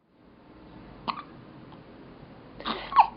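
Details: 2½-week-old infant's first hiccups: two short, sharp hiccups about two seconds apart over quiet room noise; the baby seems startled by them.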